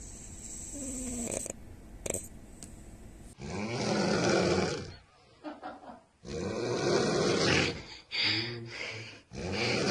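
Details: A sleeping French bulldog snoring: loud snorting, rattling breaths about 20 a minute, some with a buzzing tone. Snoring.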